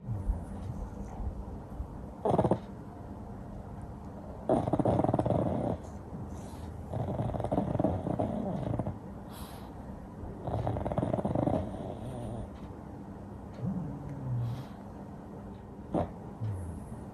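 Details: Pug asleep in a nap, also twitching and dreaming, with loud, rough, rattling snores over about five breath cycles and grunting between them; snoring.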